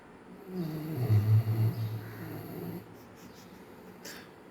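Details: Dog snoring while asleep and dreaming: one low, rumbling snore, strongest in its middle, then quiet breathing and a faint click at the end.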